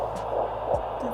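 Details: Fetal heartbeat on Doppler at a prenatal appointment in a second pregnancy: rapid whooshing pulses over a steady hum from the probe, a normal fetal heartbeat at about 170 beats a minute.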